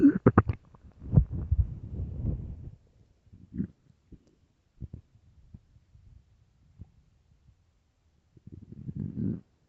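Low gurgling rumbles and bubbling pops come and go irregularly from the belly: stomach growling, a normal sound of gas and fluid moving through the gut.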